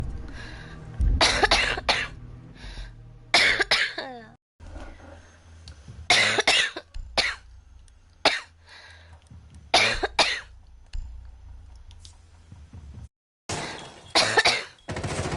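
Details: Girl coughing while playing a video game, saying her throat hurts: several short cough bursts, some with throat clearing, over low room noise and faint game sounds.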